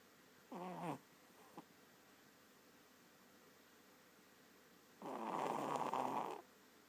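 Two soft, buzzing breath sounds, one short and one longer, separated by a long pause; light snoring from a small animal.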